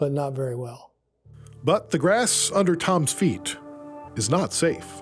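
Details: Adult male speaker; ordinary speech.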